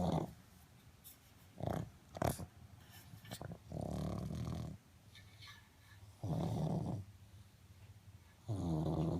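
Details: Loud, rough, low-pitched snores on each breath with brief snorts and quieter breathing between, from Malcolm, a sleeping pug.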